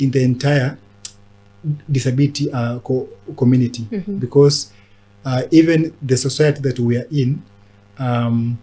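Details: Adult man who stammers; stuttering.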